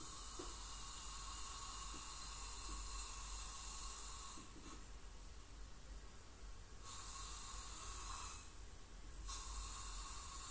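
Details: Professional teeth cleaning by a dental hygienist on a patient with heavy plaque and tartar, possibly scaling for gingival inflammation or full mouth debridement; steady high hiss with water spray and suction, pausing between passes; ultrasonic scaling.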